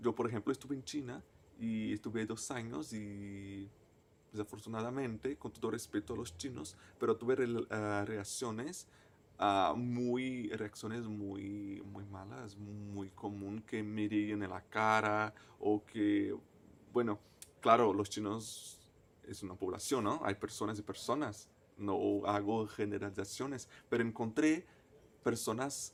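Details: Stuttering in a male person who stutters, speaking Spanish.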